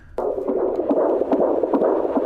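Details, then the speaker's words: Fetal heartbeat on Doppler: rhythmic whooshing pulses at about 140 a minute. "oh look some kids just have better heartbeats than other kids"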